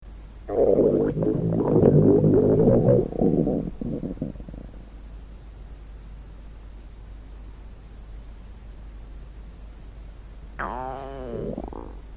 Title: The Sound Of Stomach Growls (Weatherradio Canada CRS-Ified) @StingyNewBrunswickHPT